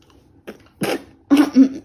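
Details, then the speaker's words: Someone coughs and is told to cover his mouth; cough. "Batuk Pak haji Aduh Pak Haji Batuk Pak haji batuknya ditutup pak haji ditutup mulutnya Gimana kalau batuk"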